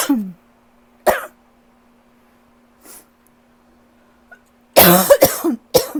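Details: Adult who cannot shake a lingering cough: several harsh coughs, two single coughs, then a rough cluster of three to four coughs; persistent cough.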